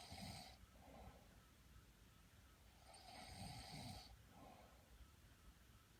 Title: Snoring Battle